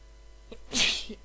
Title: Inducing sneeze 2 (M)